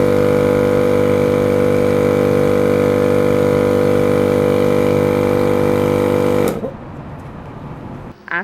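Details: Suction unit switched on to test the motor before rigid catheter airway suctioning in an emergency-care demonstration; steady loud motor hum for about six seconds, then cutting off to quiet room noise.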